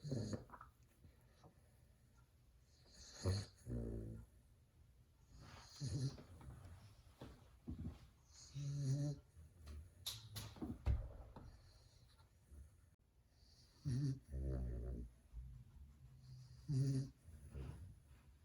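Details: Fawn Cane Corso (Italian Mastiff) puppy, 2 months old, sleeping in a quiet room: loud, rough, rattling breaths in bursts every few seconds: snoring.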